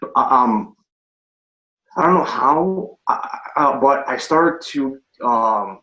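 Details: Adult man with a stutter, recorded before starting the Pro90D speech program: stuttering.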